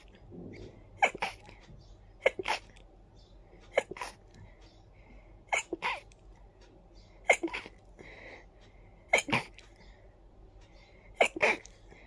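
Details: A fit of sneezing after a tickly nose: seven short, sharp nasal sneezes in a steady run, about one every one to two seconds.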